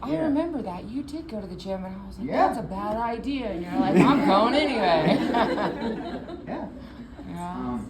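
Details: Adult woman speaking; typical speech.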